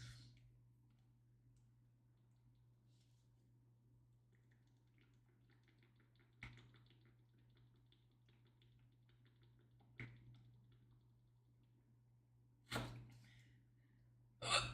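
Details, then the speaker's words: Four brief, sharp hiccups at irregular intervals over about fifteen seconds, with a steady low hum and faint room noise; woman with her first hiccups in years, unable to stop them. "Literally anything else over having the hiccup. Anything else over having the hiccups. I haven't had these in years."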